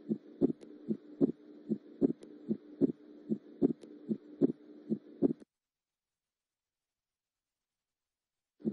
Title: ورشه اصوات القلب